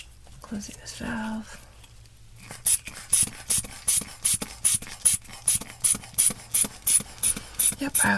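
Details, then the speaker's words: Roleplay ASMR wilderness-medicine exam, not real: regular squeezing, hissing bulb pumps about two per second inflating a blood pressure cuff on the right arm to over 200, with soft whispering; blood pressure cuff inflation. "put this right in your brachial artery and I'm just gonna give it a listen while we go ahead and pump up pump everything up here doo doo doo doo doo"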